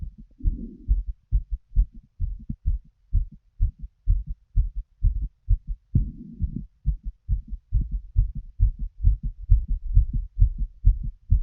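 Rapid, regular low heartbeats near 130 a minute, with two brief bursts of rustling breath or movement noise.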